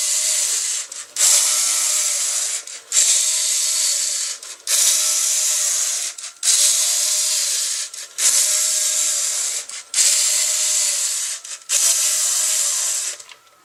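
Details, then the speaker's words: Homemade LEGO Mindstorms NXT emergency ventilator prototype running its programmable cycle without the bag: repeating whirring motor-and-gear runs, about 34 per minute, each separated by a brief pause. "This cycle will continue until stopped. Each part of the sequence is programmable, allowing for different types of cycles for different situations."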